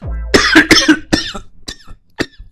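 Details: Staged comedy sketch: someone who has just taken cough medicine coughs amid laughter; a simulated cough.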